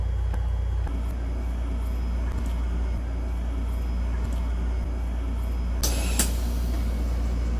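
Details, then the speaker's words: A steady low motor hum with faint regular clicking: a prototype ICU mechanical ventilator running in volume control mode, being tested on a lung simulator. "but today I'm gonna show you the more simplified just VC mode and we'll do that now so here's the volume control ventilation mode"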